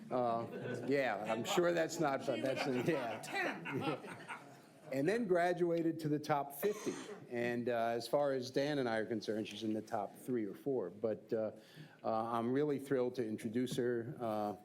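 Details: Adult man speaking; typical voice.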